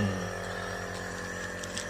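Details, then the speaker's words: Nebulizer compressor running with steady mechanical hum, low drone and faint airy hiss, used to give steam/nebulized treatment to a young child with chest congestion (phlegm) in cold season, to loosen mucus and ease breathing. "अभी करते हैं machine चालू।"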